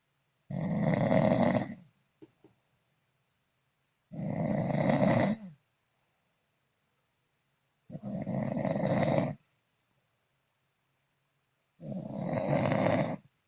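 Four loud, rasping snores, one every three to four seconds, about 16 a minute, with silence between; heavy snoring.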